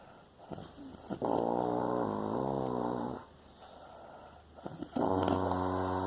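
Loud droning, buzzy snores on breaths in, separated by quieter breaths out.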